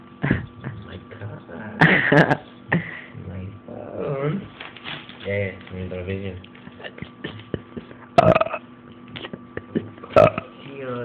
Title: burps